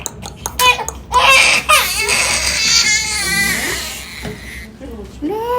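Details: Two-month-old baby girl crying during ear piercing: loud, high-pitched bursts with strained, wavering wails and gasping pauses, an acute pain cry, with an adult voice soothing and apologising in the background.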